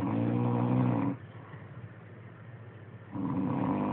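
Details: A person who snores every night: loud, low, rattling snores on the in-breaths with quiet pauses of about two seconds between them; ordinary snoring.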